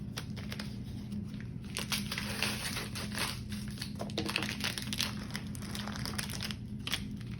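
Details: Continuous crinkling and rustling of plastic and paper packaging as sterile supplies (umbilical catheter, bag items) are opened onto a sterile field while preparing for neonatal umbilical venous catheter placement, with low steady room hum.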